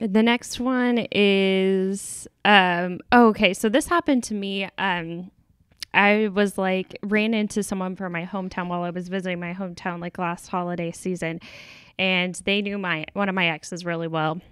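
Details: Adult woman; normal speech.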